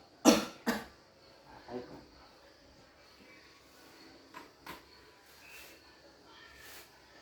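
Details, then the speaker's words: Effective cough training on an adult male patient by a nursing student, taught with deep breathing to clear the airway: two strong, sharp voluntary coughs, then faint breathing and quiet sounds. The cough is acted for teaching. "Tujuan saya disini untuk melakukan tindakan-tindakan melatih nafas dalam dan batuk efektif tujuannya untuk membersihkan Jalan napas Bapak"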